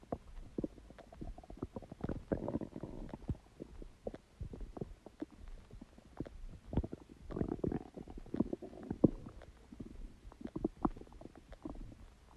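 Bubbling, gurgling rumbles with scattered pops and clicks over several seconds; ordinary stomach growling.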